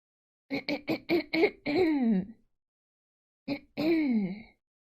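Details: Person repeatedly clearing her throat: a rapid run of short throat-clearing bursts, each ending in a drawn-out voiced clearing sound.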